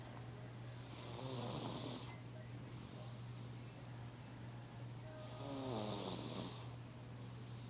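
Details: A sleeping baby snoring: two long, rattling breaths a few seconds apart, with a steady hum in the room.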